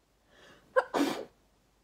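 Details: Person sneezing into a pillow: soft breath in, sharp catch, then one explosive burst partly muffled by the pillow; a single sneeze.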